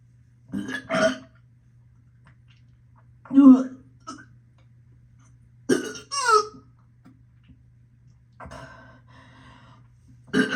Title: Morning nauseous burping,gagging,vomit